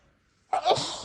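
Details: After brief silence, a single sudden explosive sneeze deliberately induced by tickling the nose of a person without allergies whose nose seemed sensitive after spicy food; sneezing.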